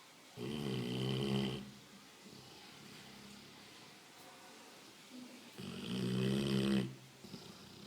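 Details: Dog snoring while asleep: two loud, rough, rattling snores about five seconds apart, with quiet breathing between.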